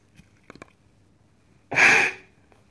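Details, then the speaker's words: Peak flow meter demonstration with nose clip: after a deep breath, one sharp forceful maximal exhalation lasting under half a second, preceded by faint clicks; second reading 500 L/min, with differing readings described as normal. "air in one shot forcefully, the second reading is 500 Liter per minute, Two different reading are observed which is absolutely normal"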